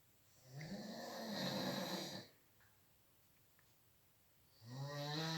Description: That what I hear a 1 everynight